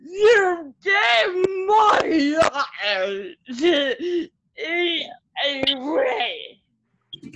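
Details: Adult woman with cerebral palsy whose muscles tighten when she gets excited, making her speech harder to follow; spastic dysarthria (cerebral palsy).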